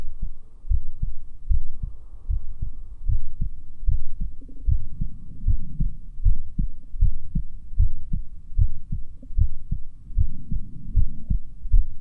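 Steady low thumping heartbeat, about 75 beats a minute, with clear first and second sounds; normal heart sounds at a valve listening area.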